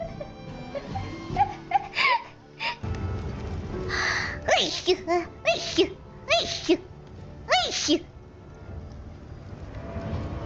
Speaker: Lots of sneezing today. Okay. How many Yeah. How many sneezes have I sneezed today? Cuz I I keep sneezing like a bunch of times in a row.